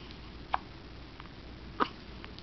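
Two short, sharp, high-pitched gulping sounds about a second apart over low room noise, fitting hiccups.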